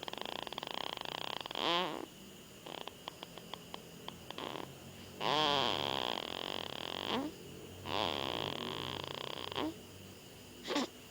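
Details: Rhythmic rattling snores on each breath, roughly every two to three seconds, over steady room noise; ordinary snoring.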